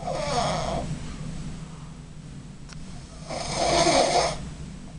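Two loud, harsh snores on breaths in, separated by quieter breathing out.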